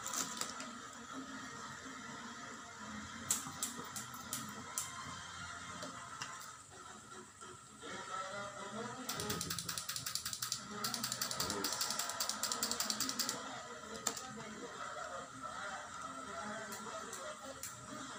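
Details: Bursts of quick ratcheting clicks from a hand suction pump drawing cupping (bekam/hijama) cups onto the skin, over room noise and faint music; treatment for cough and shortness of breath attributed to "masuk angin".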